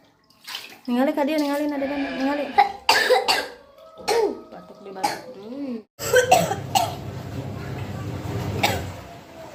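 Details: A child's cough during cold and cough season, a few coughs mixed with the child's voice and then running water.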